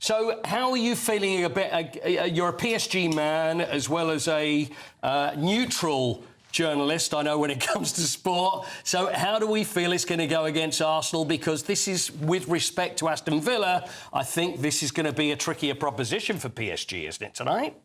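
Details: Adult male speaker; Normal voice.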